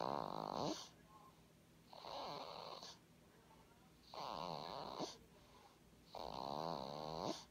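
Loud rattling snores on each breath, about 15 a minute, with quiet pauses between them. Ordinary snoring.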